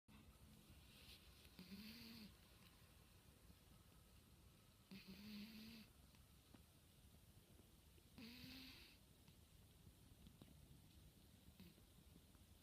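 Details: Soft, regular snoring breaths about every three seconds over steady room hiss from a 15-year-old cat napping; snoring.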